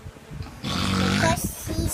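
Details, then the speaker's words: Baby brother's loud snore, likened to a wolf: a single loud, rumbling snore breaking in over an older child's chatter in a small room. "Your baby brother is snoring so loud, so he looks like a wolf."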